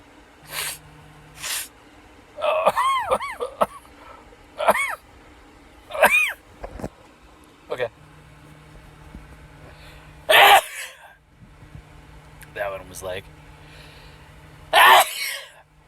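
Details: Several forceful, explosive sneezes with sharp bursts of air, sniffing and excited talk, deliberately induced by cayenne pepper in the nose; a run of about nine sneezes.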